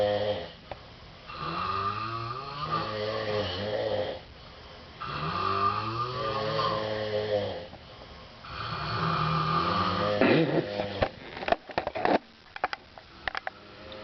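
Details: Two friends, at least one male, sleeping in an apartment living room with different breathing patterns: very loud, rough, rattling snores each breath, quieter pauses, clicks and rustling at the end; snoring.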